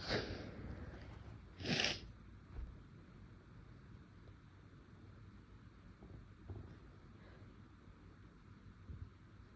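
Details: Induced sneezes from a tickly nose, with an attempt to stifle one: two hissing sneezes close together, then soft breathing and faint room noise.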